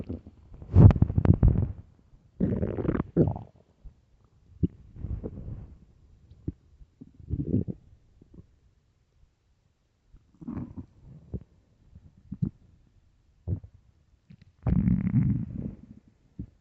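Several loud gurgling, rumbling bursts with quiet gaps between them: ordinary stomach growling from an empty stomach.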